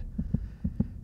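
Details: Simulated recreation of right-ear pulsatile autophony in superior semicircular canal dehiscence before surgical repair, heart rate raised: muffled, deep paired heartbeats at about 130 a minute heard in one's own ear.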